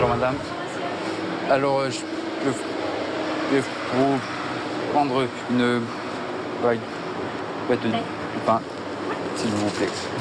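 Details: Man with severe stuttering since age 4.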